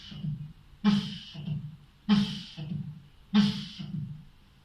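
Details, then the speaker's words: Vocal imitation of double mitral valve disease at the apex: like mitral regurgitation but with a loud first heart sound, followed by a blowing murmur. "الدبل مايترال بتسمع كده زيه بس الفيرست عالي."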